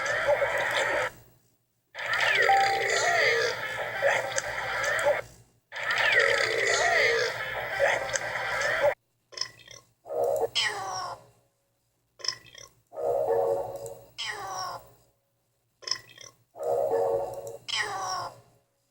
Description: More stuff belch